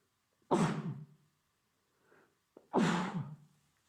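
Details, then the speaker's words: Two forceful acted sneezes, each with a short intake, into a blanket while lying in bed watching a movie, from a man with a cold and hot skin who denies being sick; sneezing. "also the sneezing continued he sneezed three times right into the blanket during the movie"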